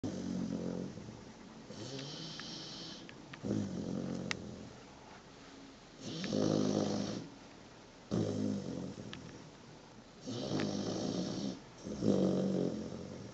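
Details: A 123-day-old, 23 kg puppy asleep on someone's foot, snoring loudly: steady rasping snores on breathing in and out, roughly a breath every two to three seconds; snoring.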